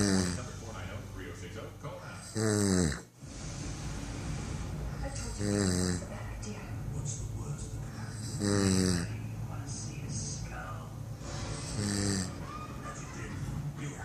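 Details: Snoring recorded at 07:27 in the morning: loud rattling inspiratory snores, about 20 per minute, over steady room noise.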